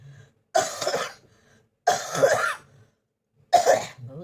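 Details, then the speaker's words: Person with a cough lasting many days, on medicine, blaming hot-cold weather changes, also reporting back burning: three separate harsh, loose cough bursts, each with a rough throaty tail. "देखो फ्रेंड्स कितना काशी हो रही है मेरा गॉड।"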